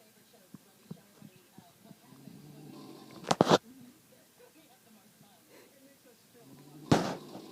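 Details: A grandmother snoring in her sleep: two rising, rough breaths, each ending in a loud snort a few seconds apart, with faint clicks and room noise between.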